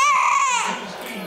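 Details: Infant girl crying, said to be in pain from bad gas, sitting up on her legs, and to get frequent hiccups; a brief, high-pitched wailing cry that tapers off; infant cry.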